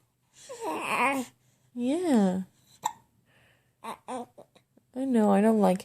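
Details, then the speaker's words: 5-week-old baby boy with hiccups: fussy infant cries broken by short, sharp catches of breath in a quick series; infant hiccups while being soothed. "either bubba yeah you get them hiccups you tell them you tell them to go away"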